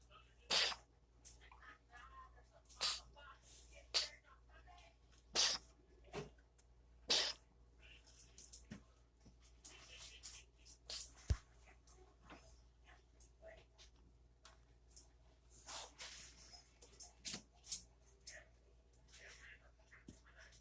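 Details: Cat gives a run of sharp, explosive bursts, a coughing fit, with softer follow-up sounds; owner wonders whether it is a sign of pregnancy.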